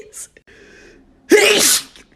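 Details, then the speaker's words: A woman deliberately making herself sneeze, after a failed "phantom" attempt, makes soft breathy sounds, then one loud, explosive burst through nose and mouth lasting about half a second. A single sneeze. "I'm going to do it again I didn't come out it was like a phantom"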